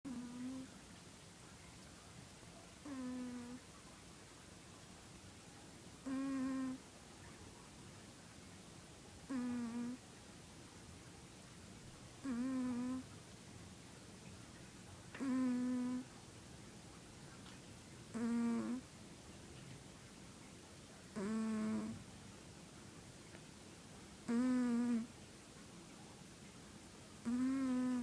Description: Trixie making a wheezing noise while sleeping.